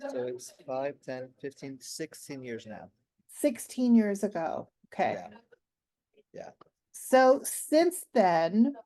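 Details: Aphasia with word-finding difficulty in an adult man, 16 years after a stroke during heart valve surgery; at first he could say only one word for about a year.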